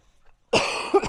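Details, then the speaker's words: Single harsh, raspy cough from an adult with a hoarse voice who had been coughing heavily the previous night. "So I was coughing so much last night. So typically I haven't been coughing."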